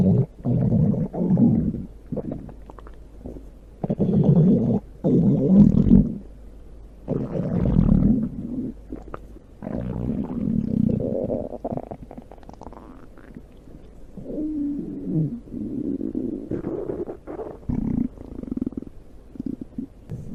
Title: GL2 Stomach Growling ❤❤